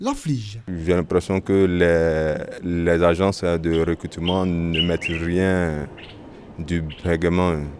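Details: Adult man who has stuttered since age 4, according to his parents, and still stutters, making job-finding difficult; stuttering.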